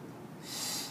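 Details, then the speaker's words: Ambu resuscitation bag connected to a tracheostomy to hyperoxygenate before suctioning, five breaths at 15 L oxygen, FiO2 100%, in a demonstration; a single rushing, hissy puff of one delivered breath. "so I'm going to take my amboo bag remove this here connect it and then five breaths one 2 3"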